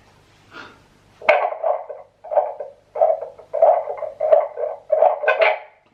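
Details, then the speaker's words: Woman at 20 weeks' pregnancy testing a home fetal Doppler on her own skin with olive oil first: loud, rhythmic whooshing maternal heartbeat at roughly 85 a minute; maternal heartbeat on fetal Doppler. "I think my heart's beating. It's so loud. Jeez. Cool beans. It works. It's mine heart."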